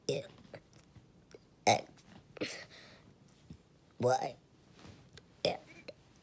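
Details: Deliberately burping the alphabet: about five voiced burps in six seconds in a quiet room; voluntary belching.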